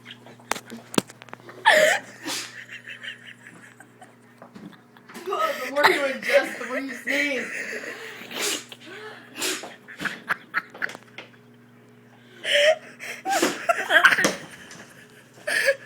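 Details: Several sharp sneeze bursts mixed with talking and noisy room sounds; repeated sneezing.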